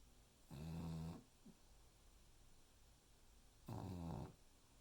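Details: Sleeping dog named Ollie snoring: two deep, rattling, vibrating breaths about three seconds apart, with quiet pauses between them.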